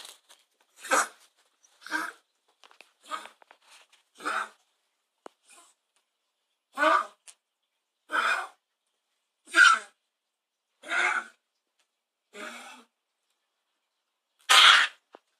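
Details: Dog gives a honking cough of about ten harsh bursts, spaced a second or two apart, in a quiet room.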